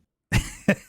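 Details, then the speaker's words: Adult with bronchitis and a strained voice: two short, deep coughs in quick succession with a faint room echo. "as as uh you can hear I am my my voice is a little bit restrained due to I have been uh sick I have uh actually I've had a bronchitis I have bronchitis but ain't nobody got time for"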